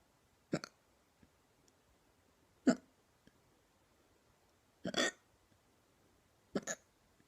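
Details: Hiccups described as painful and called neck hiccups: four brief, sharp, jerky sounds at irregular intervals in a quiet room.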